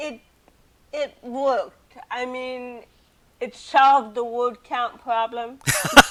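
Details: Adult woman with cerebral palsy since birth, also hearing impaired and wearing hearing aids, speaking in an interview; dysarthric speech in cerebral palsy.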